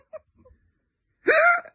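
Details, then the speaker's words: A single loud, abrupt voiced hiccup after a brief quiet pause, from a person with painful, unusual hiccups that someone else attributes to a past operation. "oh why do I hiccup like this it hurts so much cuz you had operation nobody else hiccups like that"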